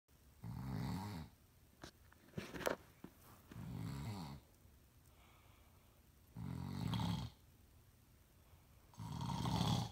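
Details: An adult man (a father) sleeping: low, rumbling snores repeat steadily about every three seconds; snoring.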